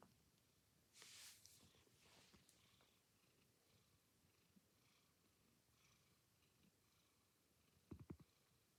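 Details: A pet cat gives one sharp, hissing sneeze near the start over a soft, steady low purr, with a few faint clicks near the end: sneeze.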